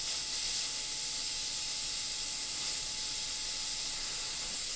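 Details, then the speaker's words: Aquacare (Velapex) dental air abrasion unit working on a cavity, with abrasive particles wetted by a water shroud to cut airborne dust: a steady high-pitched hiss. "One of the great features of this particular unit is the fact that all of the abrasive particles now have become wet by the shroud of water surrounding the main stream, and that has cut down on the airborne particles"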